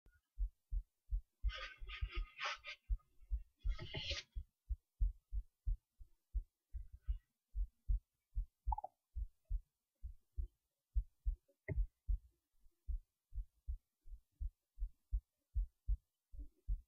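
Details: Heartbeat recorded late at night while resting in bed before sleep, steady regular low thumps with brief early rustling at about 75 beats a minute; resting heartbeat.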